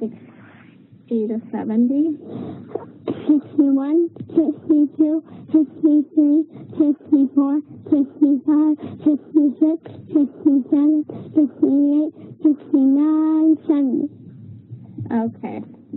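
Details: Female patient with cleft lip and palate counting sixty to seventy, showing the full constellation of velopharyngeal dysfunction; severe structural problem not fixable by speech therapy, needing surgical or prosthetic options; cleft palate speech.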